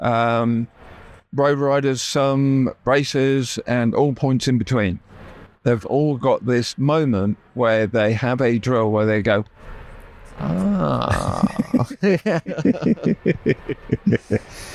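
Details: Adult male, real (not acted), with persisting aphasia after a stroke that paralysed his right side; he had to relearn speech and left hospital able to say only three words; finding: aphasia after stroke.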